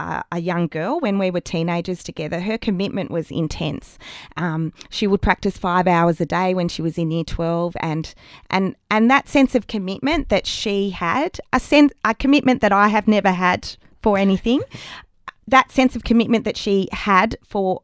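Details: Adult woman in an interview who still stutters, much worse as a child, now considering it not very serious; stuttering.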